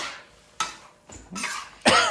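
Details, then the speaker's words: Adult gives three short, dry, harsh coughs while cooking Thai spice paste (chili, garlic, herbs), fumes described as irritating to the lungs; irritant cough. "but it is a little bit of an irritant it will hit your lungs just a little bit"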